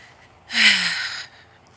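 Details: Person walking outdoors at work, complaining of painful sinuses: a single forceful, hissing burst of air through the nose with a brief voiced edge; an unusual-sounding sneeze.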